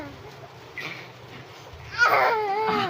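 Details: Brief whimper, then a rising, wailing cry in a small room from a small baby boy during a traditional hilot massage on his back.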